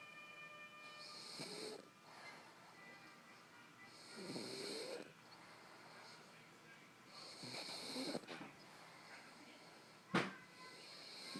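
Soft rhythmic snoring, about four breaths in eleven seconds (roughly 20 a minute), with hissing exhalations and a brief snort near the end; faint background tones.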